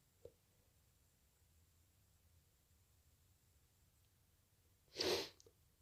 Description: Last night i was a bit drunk and I induced / Noseblow at the end